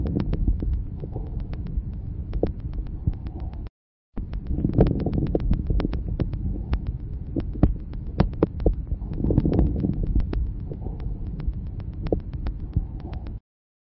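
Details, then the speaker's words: Coarse crackles: chest sounds through a stethoscope with many loud, low-pitched, short explosive popping crackles over breath noise. "les râles crépitant sont des bruits courent explosif on distingue selon leurs auteurs les crépitant fin et les gros crépitant"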